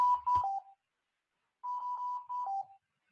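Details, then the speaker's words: Repeating electronic alarm beeps with a pitch drop ending each group: a ventilator low minute volume alarm during a mechanical ventilation class, with respiratory rate noted as very elevated. "que está chillando quién está marcando también pues no necesitan mucha ciencia está marcando el volumen minuto"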